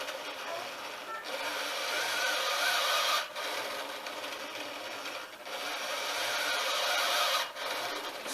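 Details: Steady rasping motor drone with a brief dip about every two seconds, roughly 28 cycles a minute, from an Arduino-controlled sail-winch servo arm squeezing a BVM (Ambu bag); automated bag-valve-mask ventilator in operation.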